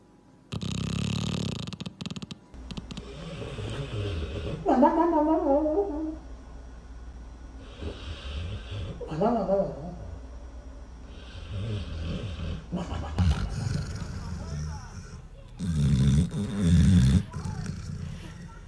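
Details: Pets snoring while asleep at nap time: uneven soft snorts and rattling breaths over room noise, with some brief voices.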